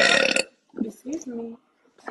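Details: Girl burping during a live stream, from a burp compilation: one loud, rough burp followed by brief quiet speech; an ordinary belch.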